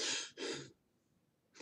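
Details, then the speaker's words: Two loud, harsh, effortful breaths in quick succession, an imitated demonstration of labored breathing in an adult, an inadequate breathing pattern. "what about bad or inadequate breath patterns in adults labored breathing that's not a good thing"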